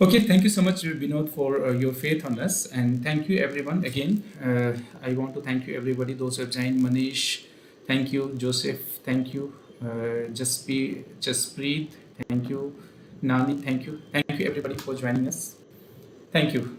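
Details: Adult male speaker; normal voice.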